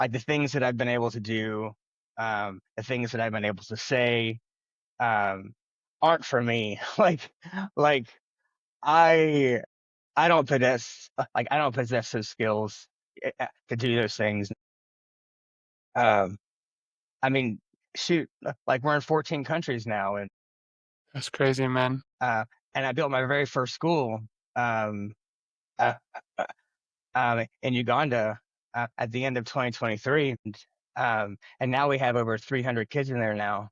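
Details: Adult man who has stuttered since childhood and says he struggles with it every day, speaking spontaneously in an interview; stuttering.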